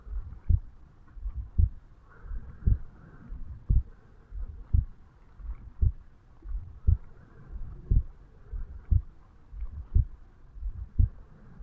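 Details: 35-year-old male, heartbeat self-recorded over the mitral valve area on waking in the morning: steady, regular paired thumps at about 58 beats a minute; normal resting heart sounds.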